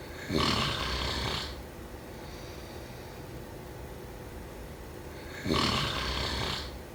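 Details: Two loud, rough snores about four seconds apart with quiet breathing between; ordinary snoring during sleep.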